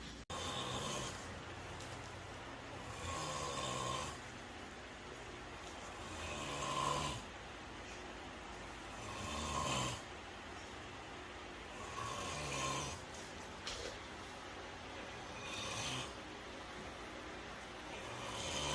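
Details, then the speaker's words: Another household member sleeping: loud, rough snoring repeating regularly, about 20 breaths a minute, with quieter pauses between snores; snoring. "there may be someone else in my house that's not me that's not 345 to life wife that may also sleep in the same fashion"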